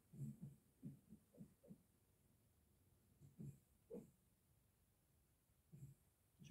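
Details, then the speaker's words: Hard snoring heard in the background of a room recording: snoring. "si vous l'entendez mais ça ronfle dur"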